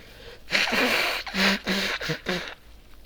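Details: Sudden, loud, hissing voiced bursts of air from the nose and mouth, repeated several times: an ordinary bout of sneezing from a person wearing headphones.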